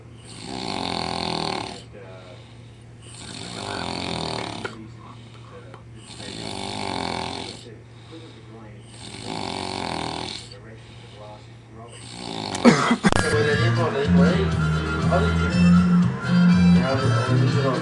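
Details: Deliberate imitation of a pig snoring: four loud, rhythmic, grunting snores roughly every three seconds, followed by a clatter and background talk; simulated snoring.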